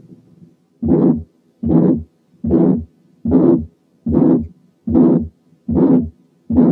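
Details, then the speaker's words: Severe aortic stenosis with a rigid, calcified valve, regular heartbeat about 74 a minute: a long harsh ejection systolic murmur with a faint, nearly absent second sound. "لاحظوا ان في حالات السيفير ايورتيك ستينوزيس السكند ساوند بيكون ضعيف ويكاد يكون مش مسموع، لان الفالف بيبقى ريجيد وكالسيفايد وما بيقفلش وما بيفتحش كويس، والواحد ما يسمعش الا بس اللونج ايجكشن سيستوليك مامر تقريبا من غير سكند ساوند."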